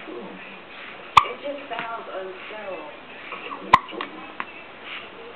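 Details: Female, presumably young, with two abrupt, sharp hiccups a few seconds apart, with soft voice and room noise between them.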